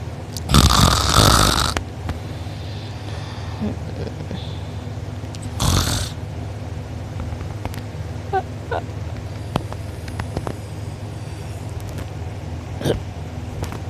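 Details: Two loud, rough snores several seconds apart over steady low room hum, quiet breathing between, recorded by a sibling during deep sleep; mouth open and drooling, uvula and soft palate sore afterward: heavy snoring.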